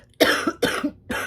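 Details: Adult woman who says lingering bronchitis tickles her throat and irritates her airways: a cough.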